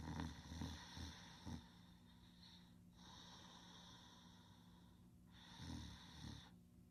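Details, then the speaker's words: Low rattling snores with snorting breaths through the nose during sleep, with a steady background hum; snoring. "Marcelina, he's sleeping. Oh, she's hearing that snoring."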